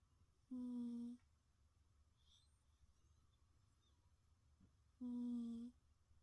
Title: Funny snoring sounds